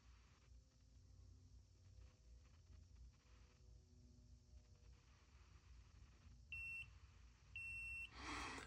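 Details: CF500 laser and electrical stimulation device, which defaults to power level five, being reset to a comfortable intensity: two short, high electronic beeps from button presses over faint room noise.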